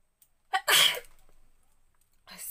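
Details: A woman's single loud, explosive sneeze induced by a paper strip in the nose, with a brief in-breath before it and a fading tail.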